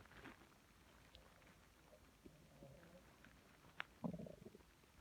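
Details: Stomach growling (borborygmi) at 4am from an adult female, loud enough to wake her: low, irregular gurgling and rumbling with a louder burst of bubbling near the end.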